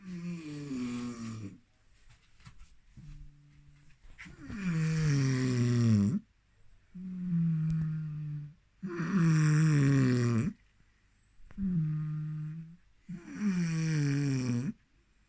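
Loud, low, rattling snores on each breath, about 14 breaths a minute, with quieter breaths between.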